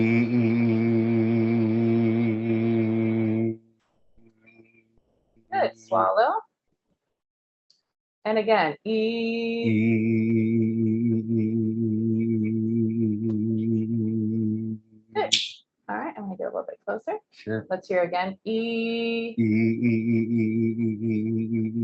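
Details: Male patient with essential vocal tremor during phonation at pre-DBS laryngeal exam; tremor not confined to one location, with accompanying head tremor; essential vocal tremor.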